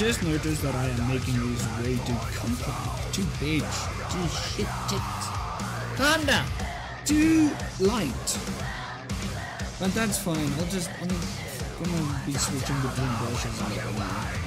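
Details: Adult with Tourette syndrome producing an involuntary vocal tic during a live art stream, then responding to it; vocal tics (Tourette syndrome).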